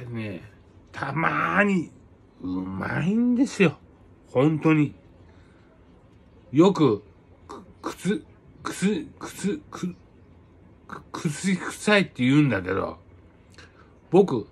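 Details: Aphasia following a cerebral hemorrhage, with hemiparesis; conversational speech with distorted words.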